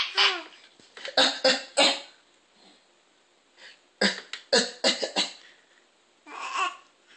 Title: Beastly coughing